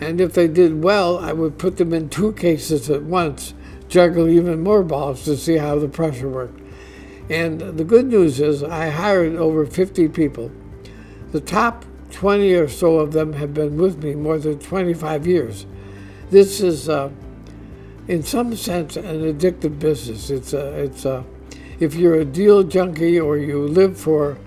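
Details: Dysarthria in an adult man diagnosed with ALS (Lou Gehrig's disease), which he says is audibly affecting his voice; he expects only a few more months of being able to work.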